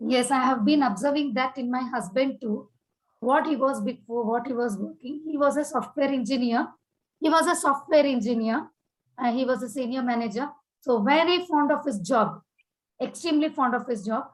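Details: Adult woman speaking; Normal adult speech.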